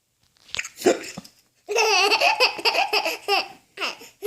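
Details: Four-month-old baby laughing in bursts while getting hiccups, brief sharp catches breaking the laughter as family imitate him: hiccups interrupting laughter.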